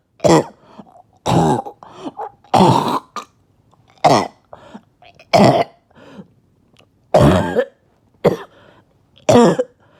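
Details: A barking cough after about two days without sleep: eight loud, harsh cough bursts about a second apart, with quieter rough breaths between them.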